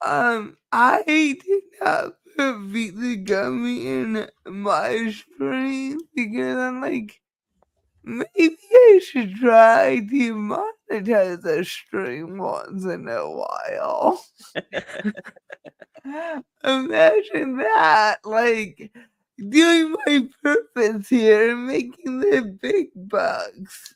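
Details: Dysarthria in a woman who states she has cerebral palsy and that nothing can be done about it; finding: dysarthria (cerebral palsy).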